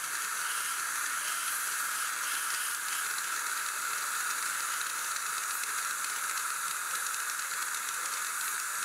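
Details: Steady high hiss and spray of an ultrasonic scaler during a dental cleaning of tartar, plaque and calculus, using water warmed to body temperature so it is comfortable for cold-sensitive teeth.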